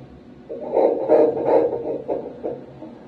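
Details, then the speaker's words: Transvaginal ultrasound at 11 weeks of pregnancy, active moving fetus: rapid whooshing Doppler pulses, fetal heart rate 158 per minute, stated as normal. "Ay nawala dahil lumikot siya. Okay. Okay. 158 normal yan no?"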